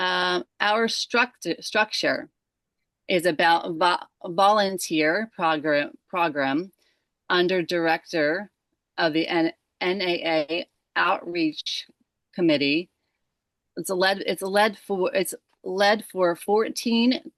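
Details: Woman with aphasia since December 2022 after a stroke from moyamoya disease at age 37, left side affected first; aphasia.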